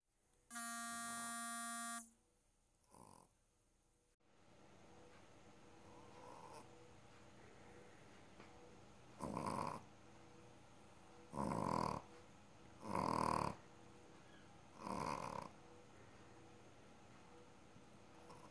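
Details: Rio, a rescue dog, asleep and snoring loudly: four snorting, rattling breaths over about six seconds, preceded by a loud steady tone and a click; snoring.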